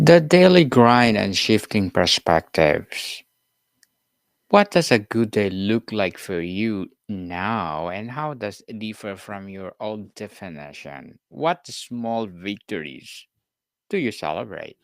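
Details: Adult speaker; normal speech.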